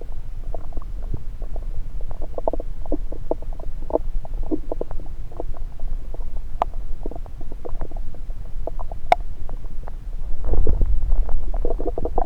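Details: Active, normal bowel sounds, heard through a stethoscope placed on multiple parts of the abdomen during a self-recorded session: frequent soft gurgles and clicks over a low rumble.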